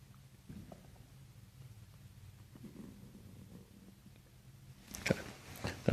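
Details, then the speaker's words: Low, soft gurgling and rumbling from the abdomen during a chiropractic diaphragm manipulation with belly breathing; bowel sounds (borborygmi). "So now we're going to do a diaphragm manipulation. Usually we'll hear some gurgles with this."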